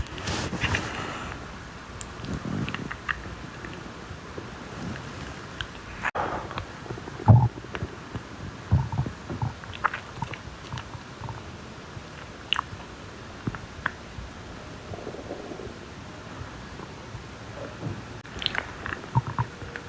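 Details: Man's stomach growling during a live stream, with a noise at each sip he drinks; low gurgling rumbles and short bubbling sounds over steady background noise, normal borborygmi.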